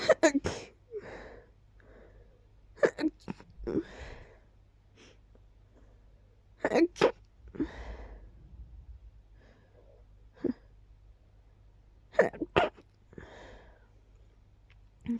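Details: Run of about five sharp sneezes with sniffs and breaths between, starting immediately on waking; cause unclear, allergies suspected.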